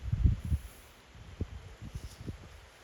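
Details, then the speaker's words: Sleeping puppy snoring loudly: low, rumbling bursts, loudest at first then softer, no other sounds; ordinary snoring. "My puppy is snoring very loudly, so if you can hear him, that's what it is. That is the sound of Zorro snoring."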